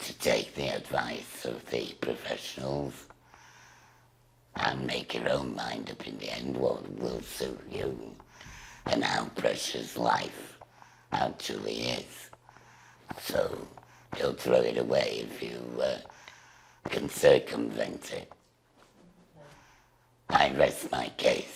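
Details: Woman with total laryngectomy speaking through a voice valve device, which she says usually works only about 10 minutes. Finding: alaryngeal speech after total laryngectomy.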